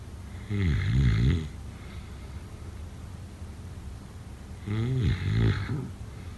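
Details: Snoring during sleep: two deep, loud, rumbling snores separated by a long quiet pause, each with a wavering buzzing tone.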